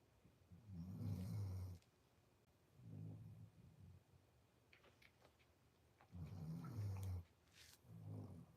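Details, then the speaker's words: Snoring from a sleeping dog: low, rumbling snores, four breaths in about eight seconds, with long inward snores and shorter ones; ordinary snoring. "Zaki can you hear her snoring what is she doing what are you doing dude"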